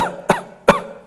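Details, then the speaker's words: Paediatrician demonstrating a covered cough while explaining how to stop whooping cough (pertussis) from spreading: two short, sharp, slightly muffled coughs made deliberately by an adult covering the mouth. "அதே மாதிரி இரும்பும் போது பார்த்தீங்கன்னா cover your cough அப்படின்னு சொல்லுவாங்க cough பண்ணும்போது இப்படி"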